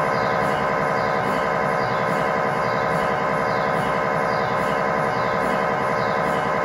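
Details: Loud steady buzzing drone with rhythmic pulsing beat during a tibia/fibula lower-leg MRI sequence with a GE high-definition lower-extremity coil (stated as 16 or 8 channel), test scan in scan room; normal MRI scanner noise.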